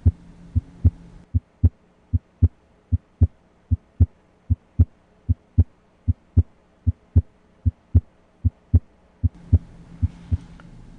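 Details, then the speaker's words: Normal heart sounds S1 and S2 heard with stethoscope diaphragm at the aortic area, right second intercostal space: steady, crisp lub-dub at about 76 a minute. "again S1 is loudest at the Apex and S2 is loudest at the base of the heart"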